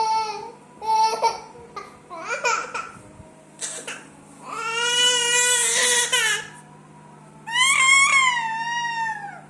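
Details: Baby crying hard with loud, high-pitched wailing in long sustained bursts with short breaks, in a small room, while a caregiver asks why the baby is crying and offers to pick them up; infant crying.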